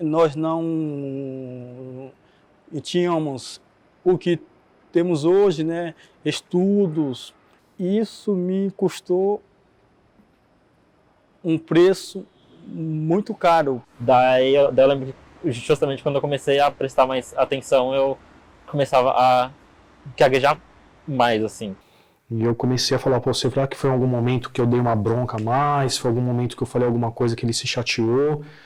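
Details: Adult man who stutters, interviewed in a documentary on stuttering; audible repetitions; stuttering.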